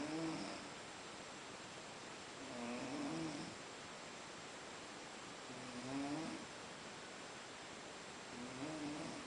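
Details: Soft, whistly nasal snores, about 25 a minute, over steady background hiss, from a sleeper after a long day out in Boiçucanga.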